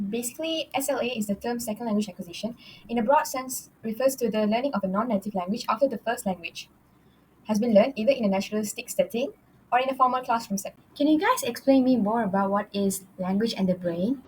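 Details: Adult woman speaking; normal speech.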